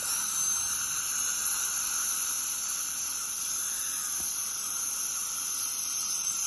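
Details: Ultrasonic dental scaler in use during deep dental scaling: steady high-pitched hiss and whine with water spray throughout.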